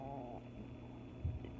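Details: Snoring from a female (she) during an indoor recording.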